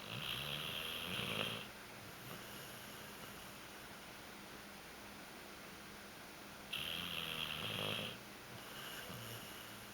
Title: Nalo Snoring